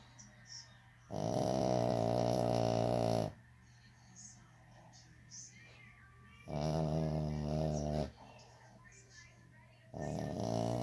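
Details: French Bulldog asleep: three long, loud, buzzing snores with quiet gaps between.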